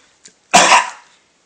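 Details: A young child gives one brief, deliberate cough, copying daddy's cough in play rather than from illness; a voluntary cough.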